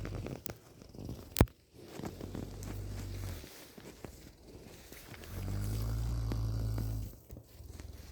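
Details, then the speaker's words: Cow snoring, kept under a cold housing method; snoring. "вот так она храпит от хорошей жизни."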